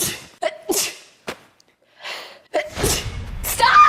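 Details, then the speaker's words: A quick breath in, then about three sharp sneezes with talk and room noise around them; the person says they have to sneeze and will get sick; allergy sneezing. "Oh god, I got to sneeze. I'm going to get sick."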